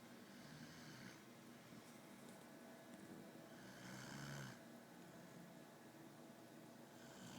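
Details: Adult male (a Marine) who fell asleep while playing a video game, snoring very loudly; low, rough breathing noises recur every few seconds over steady room hum.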